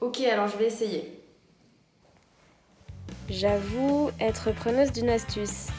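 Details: Adult woman speaking French; normal voice.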